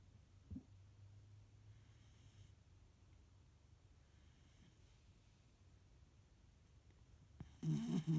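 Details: Ollie, 15 weeks old, snoring on command.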